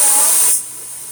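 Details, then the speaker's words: Loud steady hiss of oxygen gas rushing into an empty portable oxygen cylinder during refilling, stopping abruptly about halfway and leaving faint room noise; afterwards the gauge arrow reaches the end of the green, meaning full. Normal refill sound. "And we're going to press this portable oxygen, and it will produce a noise and smoke. Okay, so while we're filling the oxygen, we can dance."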